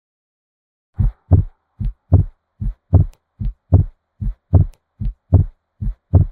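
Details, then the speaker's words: Split S1 auscultated at the tricuspid area, fourth left intercostal space beside the sternum, patient supine, stethoscope diaphragm; regular heartbeat about 75/min with a minimally split first heart sound. "you will be able to hear a minimally split and a markedly split S1"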